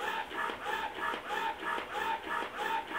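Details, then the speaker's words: Medela Pump In Style Advance electric breast pump at maximum setting, tubes not connected, noticeably louder than a Spectra S2: loud rapid rhythmic whirring pulses about three per second; breast pump running. "Yeah, this is definitely something that I would want to be outside of the room at night using, because it is much louder."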